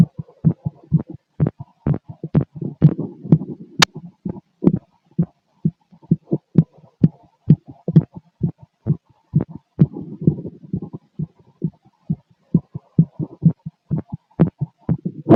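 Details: Male, heard through a stethoscope on the chest: fast, regular heart sounds, roughly 120–130 beats a minute, a rapid heartbeat (tachycardia).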